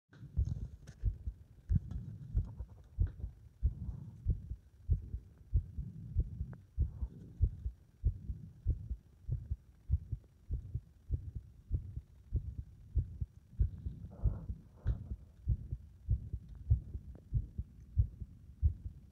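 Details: Heart that becomes unstable under compression: heartbeats about 95 a minute with uneven spacing, varying strength and some rubbing noise; an irregular rhythm.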